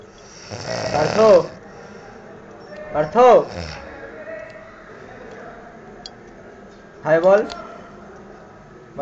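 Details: Man snoring during sleep, loud enough to be heard from the next room: three loud, rattling snores a few seconds apart, about 20 a minute, over steady room noise; snoring.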